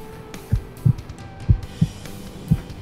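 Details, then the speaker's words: Soft low thumps in quick pairs with faint room noise, heard as an adult male listens to his own heart through a stethoscope inside an ambulance; ordinary healthy heartbeat. "hear that yeah that's my heart beating I'm nice and healthy"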